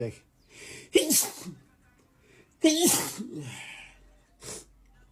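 Two forceful sneezes, each with a sharp intake then explosive burst, plus softer breaths between; sneezing attributed to allergies.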